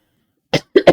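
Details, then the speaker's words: Adult with a bit of a cough while talking: three short, sharp cough bursts, a single cough then a quick double cough. "as you can hear I've got a bit of a cough so let me get that out of my throat"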